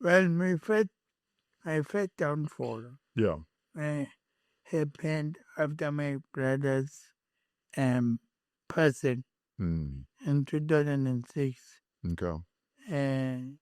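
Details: Adult male born with cerebral palsy, later with a head injury from a June 2000 car accident affecting speech, walking and left-ear hearing; speech impairment (acquired dysarthria).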